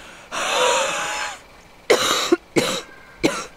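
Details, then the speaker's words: Cyclist after a hard 20% gradient climb: a long, rough breath in then three short, harsh coughs; cough after exercise. "can you hear the cough yeah it makes it like i don't i don't ever get that"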